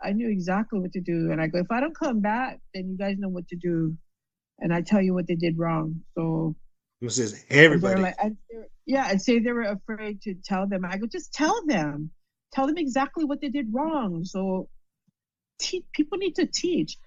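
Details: Adult female stroke survivor with post-stroke aphasia and word-finding difficulties. Finding: aphasia.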